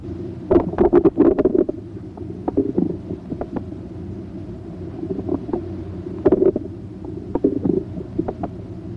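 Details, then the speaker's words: Irregular gurgles and clicks heard with the stethoscope diaphragm placed gently on the right lower abdominal quadrant; normal bowel sounds. "listen for bowel sounds by placing the diaphragm of the stethoscope gently on the right lower quadrant listen to their pitch quality and"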